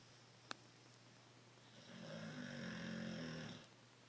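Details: One long, low, fluttering snore on breathing in with a faint room hum; ordinary sleep snoring.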